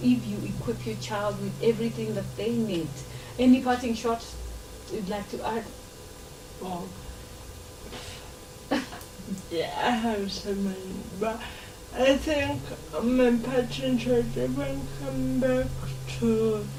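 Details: Dysarthria in a 26-year-old woman who has lived all her life with cerebral palsy and says she learned to talk much later than other children.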